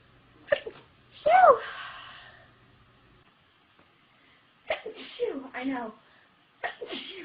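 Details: Young woman who announced she was about to sneeze: a sharp sneeze with a brief voiced exclamation, then short bursts of speech and laughter; ordinary sneeze.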